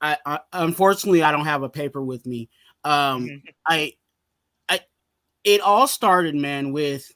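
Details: Stuttering in an adult male, bad when he was younger and still slightly present in his speech.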